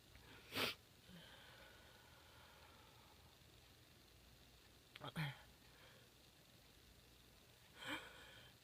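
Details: Female sneezing: three short, sharp sneeze bursts spaced several seconds apart in a quiet room.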